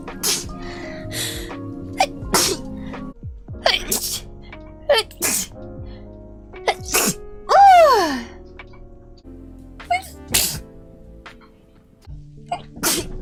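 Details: Young woman streamer: repeated short, sharp sneezes with quick breaths between, over background music and some vocal sounds: sneezing.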